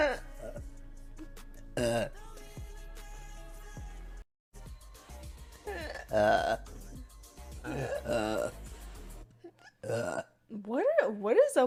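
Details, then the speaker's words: Woman livestreamer burping on command: several loud, drawn-out voiced belches with music and talk in the background; repeated burping. "Do I burp on command or drink something? I can burp on command. It's a very useless trait, actually."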